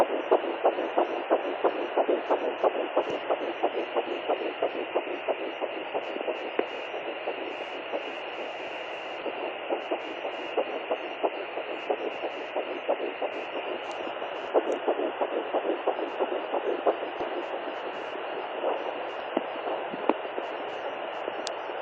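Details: Fetal heartbeat at 9 weeks 1 day of pregnancy on a fetal Doppler: fast, rhythmic whooshing pulses, roughly 180 beats a minute, over a steady hiss.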